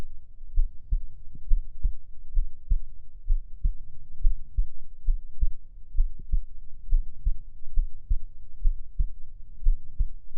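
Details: Heartbeat ASMR recording heard at an adult's chest: steady low paired thumps at roughly 75–80 a minute over a soft rumbling hum; normal heartbeat.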